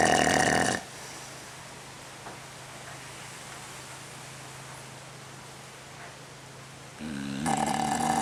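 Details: Bozley snoring even with his eyes open while resting before a photo shoot; loud rattling, vibrating breath noises at the start and end with quieter breathing between.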